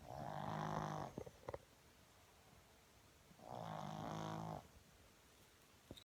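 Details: Sleeping pug (flat-faced dog) with two long, loud, rattling snores about three seconds apart, quiet pauses between; snoring.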